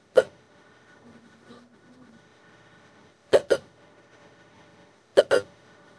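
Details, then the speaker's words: AI-made imitation of a female character with strong, throat-hurting hiccups lasting about an hour while her back is rubbed: five sharp hiccups in a quiet room, one single and two close pairs. "this is got be the strongest case hiccup I'm had a long time it's really hurting my throat"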